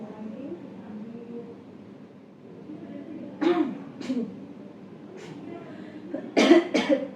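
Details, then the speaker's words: Simulated demonstration by midwifery students of the effective cough technique on an adult woman patient born 1982: quiet breathing, then a throat clear and several deliberate coughs to bring up phlegm after deep breaths. "Jadi nanti untuk tarikan yang ketiga boleh Ibu langsung berdehem sambil dikeluarkan dahaknya nanti kalau memang baru satu kali tarikan tapi sudah ada dahaknya nggak papa langsung dikeluarin"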